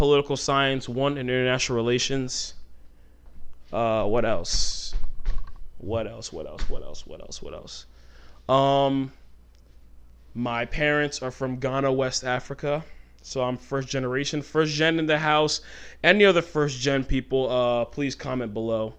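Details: Adult man who has stuttered since childhood; it shows when he talks fast or gets passionate, and he tries to keep it under control by deliberately talking slowly. Stuttering.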